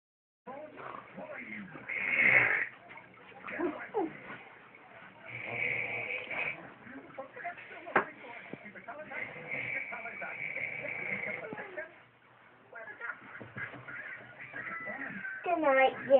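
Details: Deliberately faked snoring: irregular, exaggerated snorting and rattling sounds with some voice mixed in; imitated, not real snoring.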